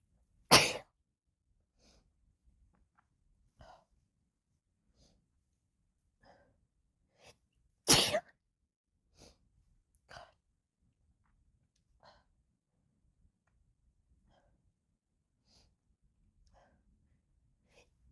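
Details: Adult female's induced sneezes, deliberately stifled because of a new nose piercing, recorded on a phone: two short, restrained sneezes with faint sniffs and breaths between them.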